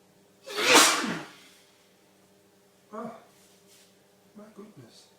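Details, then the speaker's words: Man sneezing helplessly, eyes watering and nose streaming: one forceful explosive sneeze, then a shorter sneeze-like burst and small sniffs in a quiet room; repeated sneezing. "This is a sneezing explosion. Not done. My eyes watering, my nose streaming. I'm still sneezing."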